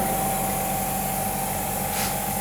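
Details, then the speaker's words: Electric suction machine, foot-pedal operated, as used in the operating theatre, suctioning water during a demonstration: steady motor hum and rumble with a faint whine throughout. "इसको हमने डाला इसके अंदर, हमने ये दबाया तो ये देखें ये सक करना शुरू कर दिया इसने। ये देखें ये इसमें आ रही है वाटर, ठीक है।"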